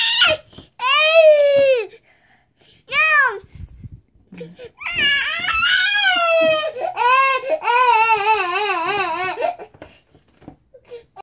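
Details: Infant crying for attention: several loud, wavering cries separated by short pauses and gasps in a small room; an ordinary attention-seeking cry.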